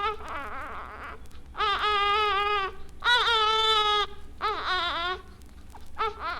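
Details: Weak cry of an infant with Down syndrome.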